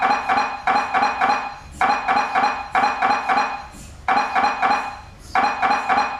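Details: Loud, rapid rhythmic knocking in short bursts with brief pauses, with laughter heard around the recording; MRI scanner running a sequence.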